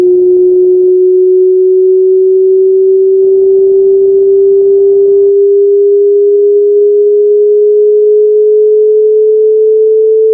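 A steady pure tone slowly rising in pitch, as played in an online hearing test sweep to check the range of hearing.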